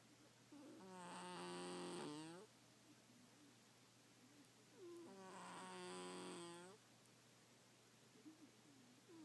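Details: Two long, buzzy, tonal snores on the in-breath, about 14 breaths a minute, over a steady low hum; snoring.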